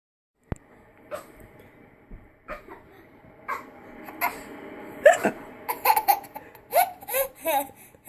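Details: Hiccups: sudden sharp catches of breath recurring about once a second, mixed with laughter.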